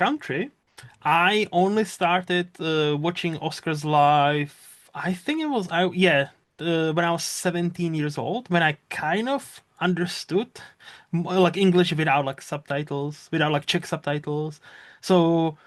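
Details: Adult male speaker; normal voice.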